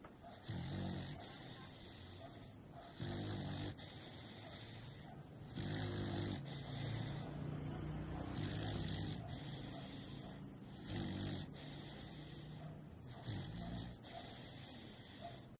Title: Jagger the American bully # Snoring while sleeping #so loud